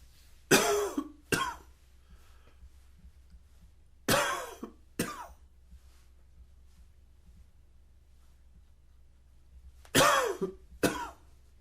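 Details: Typical morning cough: three bouts of paired harsh coughs, six coughs in all, separated by quiet pauses, in a morning that also includes sneezing and sniffling.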